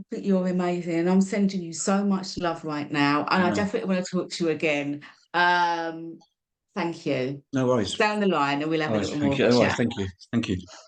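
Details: Adult speakers in conversation; ordinary speech.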